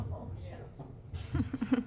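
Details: Adult male stand-up comedian with Tourette syndrome, performing live; vocal tic.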